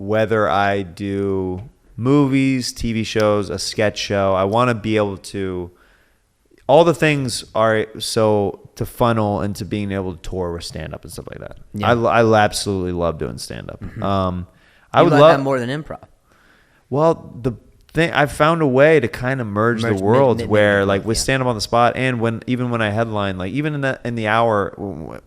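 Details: Adult man; ordinary speech.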